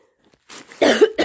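A short soft breathy onset followed by two harsh cough bursts in a quiet room; an adult's cough.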